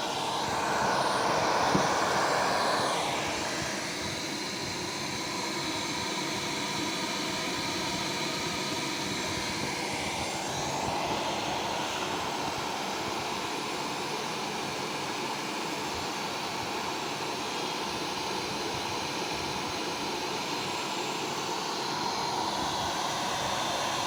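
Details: Philips A40 BiPAP transport ventilator (pre-owned, 2017 USA model) running: steady whooshing blower hum with slow gentle pitch shifts as pressure cycles; device auto-adjusts EPAP, pressure support for target tidal volume, auto backup breath rate.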